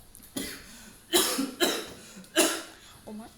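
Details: An adult man gives several short, harsh coughs in quick succession, acted in an advertisement for Herbakof cough and throat remedy; cough.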